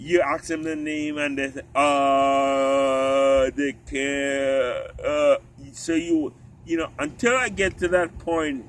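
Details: Ataxic dysarthria in an adult man with genetic spinocerebellar ataxia type 3 inherited from his father, affecting walking, talking and swallowing; he uses a wheelchair and doctors expect eventual loss of speech.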